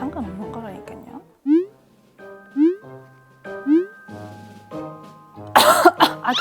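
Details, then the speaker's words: Acted, simulated harsh cough bursts after playful music and cartoon boing effects, standing in for a chronic cough, defined as one lasting over two months. "보통 2달 이상 가는 기침을 만성기침 이라고 하고 만성 기침은 기저에 원인이 있다고 생각을 합니다"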